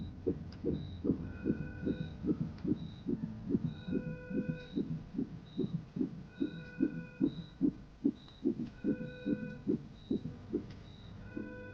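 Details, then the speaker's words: Simulated fetal heartbeat in a comedy TV drama about a pregnant man: fast, regular whooshing beats about 146 a minute from a fetal heart monitor, with soft beeps and music, called strong and normal. "我们来听听宝宝的心跳，确定一下状态。这是什么声音？这是宝宝的心跳声，很强健，一切正常。"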